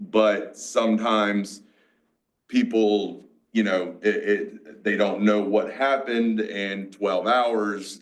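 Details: Aphasia, a mix of Broca's and Wernicke's, in a 47-year-old male after a massive stroke 6 years ago, with seizures; he had to relearn to talk and still has word-finding blocks.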